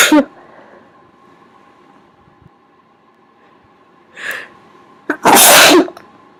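A quick in-breath, then a loud, explosive sneeze, muffled as if covered; a faint earlier burst also sounds like a sneeze.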